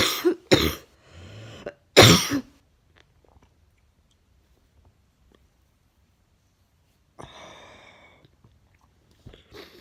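Three sharp, loud cough bursts in close succession, then quieter breathy sounds after a pause.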